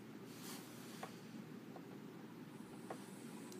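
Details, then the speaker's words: A pet dog snoring in the background of a quiet room: a low, steady rumbling drone with faint hiss. Dog snoring. "you hear that snoring that's my dog I'm so sorry that's embarrassing I'm so sorry"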